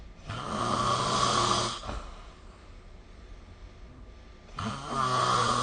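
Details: Loud, rough snores on breathing in with quieter breaths out between, recorded during sleep with the SnoreLab phone app; snoring.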